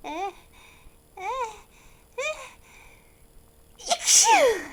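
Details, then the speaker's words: Simulated sneezing in a character-voiced mouse skit: three rising squeaky in-breaths followed by one sharp, high-pitched acted sneeze burst, then "Oh no. Not again." "achoo! Oh dear. Uh, excuse me. Oh, I held back. Not one. Uh, achoo! Oh no. Not, not again."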